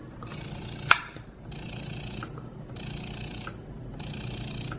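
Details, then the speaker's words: Spectra S2 electric breast pump running, 3-part suction meant to mimic a latched baby: rhythmic hissing suction cycles about every 1.2 seconds, each with a faint click. "It has like a 3-part suction. This is made to be more like a baby suction when a baby's latched on."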